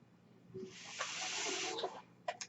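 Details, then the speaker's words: The podcaster's own home mechanical ventilator, heard between his speech: a steady airy hiss of about one and a half seconds, then two brief puffs, as it delivers a breath. "hello everyone my name is for that noisy agrees by ventilator and welcome page turners they were not my story's podcast"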